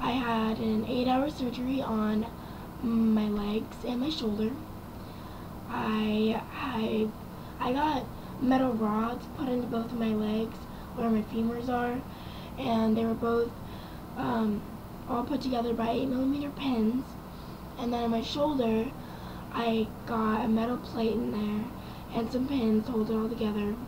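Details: Young woman after a head-on car accident with fractures and near-collapsed lungs; ventilator tube in throat about 2 weeks damaged a vocal cord; raspy, quiet voice; dysphonia after prolonged intubation.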